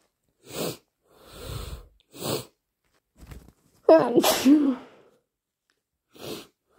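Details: Deliberately induced sneezes from a nose still sensitive, itchy and slightly stuffy while getting over a cold: a run of about five sharp sneezes with a longer harsh burst in the middle, then a snotty nose blow.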